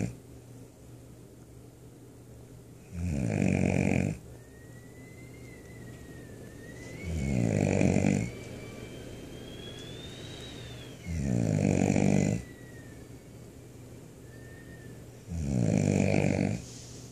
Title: Snoring like a chainsaw #1